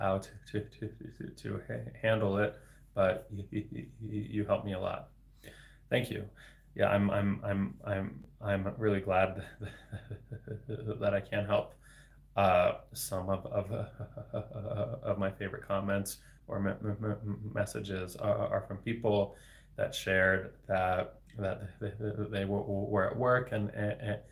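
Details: Adult man, a speech-language pathologist, with lifelong persistent stuttering for 26 years since age eight, with repetitions and blocks of varying severity, speaking live; finding: stuttering.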